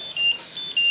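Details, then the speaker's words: High-pitched repeating electronic beeps from a Trilogy 100 mechanical ventilator, a disconnection alarm sounding gradually about 5–15 seconds after the circuit comes off the patient's tracheostomy or mask; stops when reconnected. "os mais comuns são a desconexão por algum motivo aquele circuito de se conectou do track último da máscara do paciente ele automaticamente vai armar"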